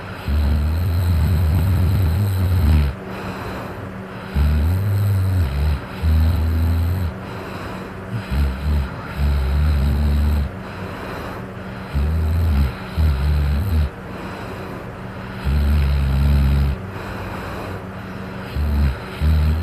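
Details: Person snoring while drunk: loud, deep, rumbling snores in irregular bursts, some broken and snorting, over a steady background hum.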